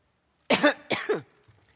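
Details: Two harsh, wet-sounding cough bursts in quick succession from a UK Prime Minister, a coughing fit as she lost her voice during a conference speech, followed by a quiet room.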